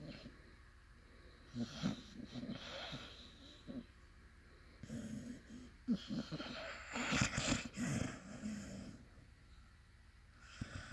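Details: Sleeping puppy snoring: irregular snorting, wheezy breaths with rattling nasal snores; faint background voices.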